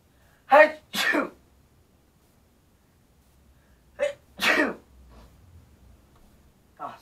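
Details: Sneezes performed for a sneezing challenge: four sharp sneezes, each with a quick in-breath before it, and a quiet room between them.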